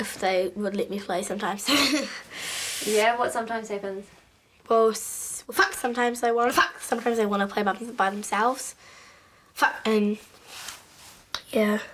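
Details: Vocal tics with coprolalia in Tourette syndrome: 11-year-old girl, severe motor and vocal tics, involuntary swearing; onset with cartwheeling, then noises and stuttering.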